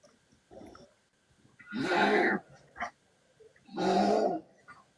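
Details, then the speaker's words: Pekingese dog snoring while asleep: loud, rattling snores on each breath, about two every five seconds, with softer sounds between them. "That's one of my dogs snoring. It's the Pekingese."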